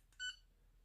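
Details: Single short electronic beep as an Enraf Nonius Endolaser 120 starts an 800nm cluster low-level laser therapy treatment. The protocol is plantar fasciitis and the probe is applied across the plantar fascia.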